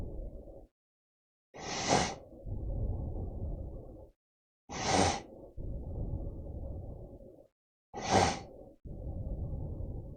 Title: Snoring (no ads)